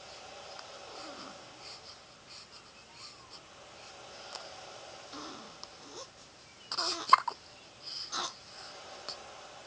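Soft babbling sounds with a couple of abrupt catching hiccups near the end; ordinary hiccups.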